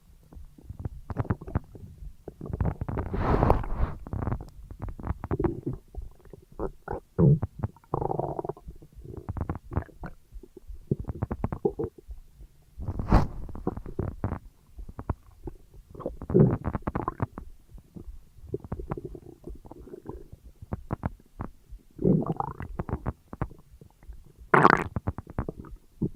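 Frequent gurgling, bubbling stomach rumbles in irregular bursts, typical of active digestion after a large meal.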